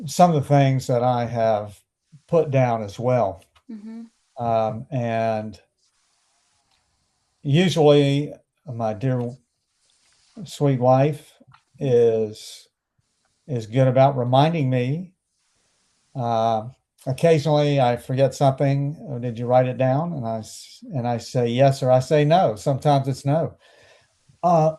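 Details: Adult male stroke survivor with anomic aphasia about 12.5 years after his stroke; he had speech therapy starting days after leaving hospital.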